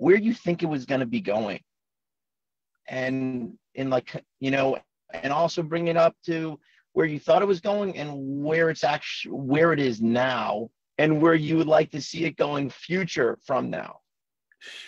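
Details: Adult man in his forties who has stuttered since childhood, in natural conversational speech; stuttering.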